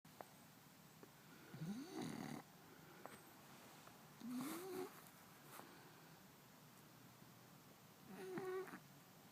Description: French Bulldog snoring in bed with his human. Turn your volume up for full effect.